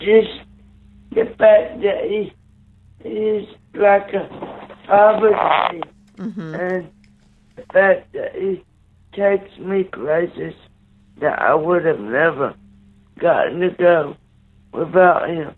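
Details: 27-year-old man with cerebral palsy, born three months premature after a car crash, with neonatal brain bleed and stroke, right-sided paralysis, blindness and seizures: dysarthria.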